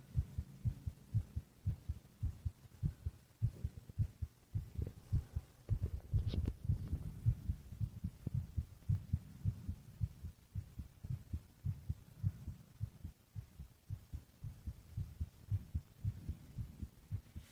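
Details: Steady, muffled low thumps of a sleeping adult boyfriend's resting heartbeat, even rhythm with no added sounds.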